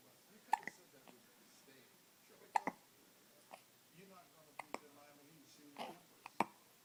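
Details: Short sharp catches in the throat on a play mat, roughly every two seconds, about six over seven seconds, in a quiet room: hiccups.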